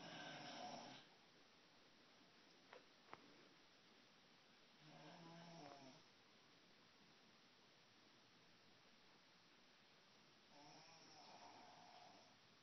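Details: Adult woman (aunt) asleep, rough rattling snores, three in the clip at about 12 breaths a minute: snoring.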